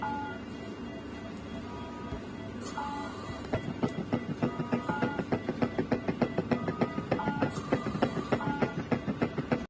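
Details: Fast, regular cat heartbeat at about 200 beats a minute, recorded with an eKuore stethoscope over background music: cat heart sounds.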